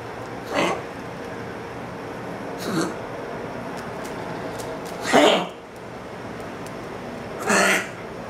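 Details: Crockett, a small dog with kennel cough, gives four short, harsh hacking coughs over about eight seconds.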